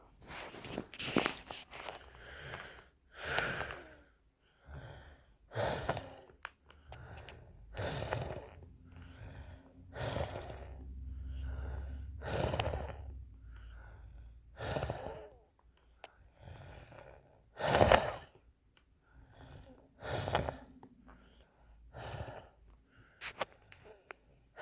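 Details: Noisy, effortful breaths repeating through the clip, some carrying a low whistling tone: wheezing.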